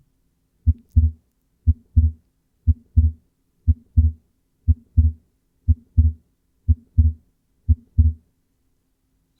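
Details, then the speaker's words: Fixed splitting of S2, illustrated as in atrial septal defect: regular heartbeat at 60 a minute, with P2 following A2 by a constant gap that does not change with inspiration or expiration. "the P2 sound occurs a fixed time after the A2 sound and it doesn't matter whether the patient is inspiring or expiring this time is fixed"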